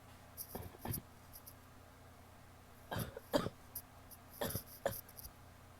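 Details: Wet coughs from a female: three pairs of short, loose coughs, six in all, spaced by quiet pauses; wet, productive-sounding cough.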